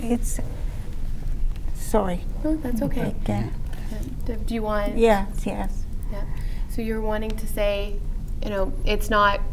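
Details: Aphasia in an adult woman after three strokes in 2011, with about six months of hospitalization.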